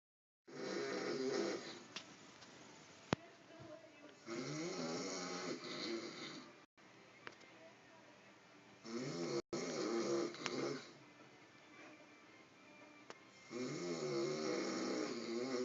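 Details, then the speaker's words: Adult man snoring while asleep with a cigarette in his mouth and cell phone beside him, described as his worst snoring yet: four long, harsh, rasping snores, about 13 breaths a minute, with quieter pauses between. "This is probably the worst I've ever heard him snore. And that is one snoring son of a bitch."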